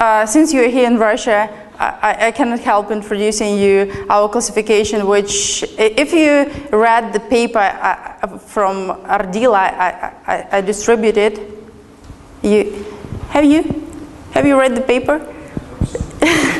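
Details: Adult woman lecturing; Normal conversational speech.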